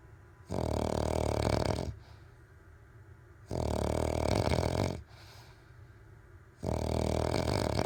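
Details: Loud, low, rattling snores on each breath, three in about eight seconds with quiet pauses between: snoring.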